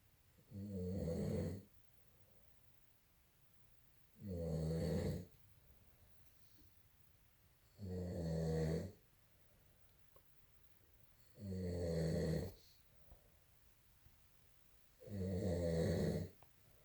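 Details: Snoring during sleep, recorded November 2018: five low, rattling snores at regular intervals, about 16 breaths a minute, with quiet pauses between; ordinary snoring.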